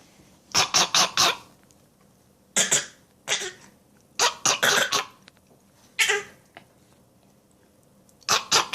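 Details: A child giving short bursts of deliberate, forced, playful fake coughs, a voluntary cough rather than an illness cough.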